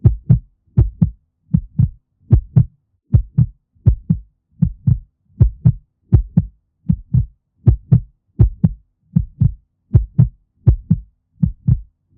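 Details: A mother dog's heartbeat, played to calm puppies: a steady, deep, regular and clean lub-dub at about 78 beats a minute, a normal heartbeat.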